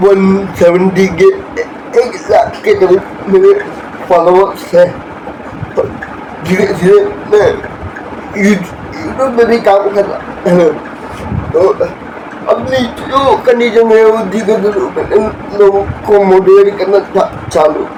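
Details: Adult man born with cerebral palsy after premature birth at seven months, whose body's development did not happen properly and who reports difficulty with speaking and working; dysarthria (cerebral palsy).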